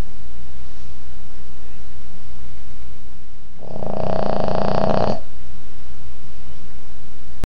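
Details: Sleeping person or pet: one loud rattling snore of about a second and a half over steady low room hum; snoring.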